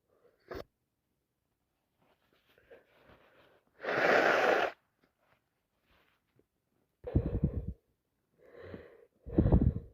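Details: Adult with a worsening head cold at work: soft catching breaths build to a loud, wet sneeze, then several forceful nose blows; sneezing.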